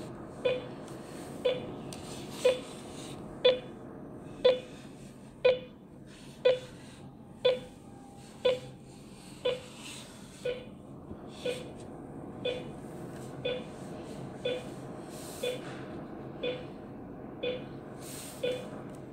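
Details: S8 8-inch patient monitor in demo interface mode: steady short pulse-rate beeps at 60 a minute with faint room noise.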